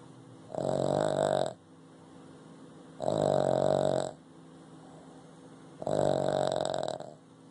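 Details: Boston Terrier asleep: snoring.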